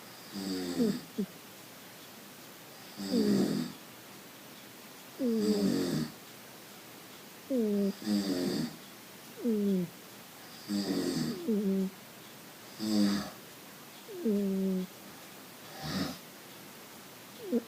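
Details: Man asleep on a couch snoring at the same time as a cat: regular rattling snores with each breath, about every two seconds, some with a fluttering, whistling edge; snoring.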